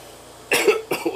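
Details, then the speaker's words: Person with cystic fibrosis coughing to clear mucus produced by the lungs from the airway: two forceful, harsh coughs in quick succession, described as hard, taxing and exhausting. "coughing for me hard taxing exhausting and mmm it's always one for purpose you know to clear mucus out of my airway that my lungs produce"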